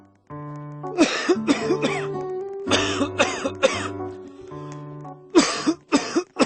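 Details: Repeated harsh coughs in short bursts with throat clearing, over background music; persistent cough from a viral illness the person says they have and cannot stop.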